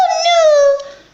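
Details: Adult hospital inpatient with Tourette syndrome, around day three or four of admission, gives a sudden, brief high-pitched squeak sliding slightly downward: a simple vocal tic.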